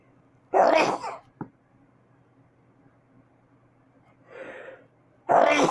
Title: Extremely strong camping sneezes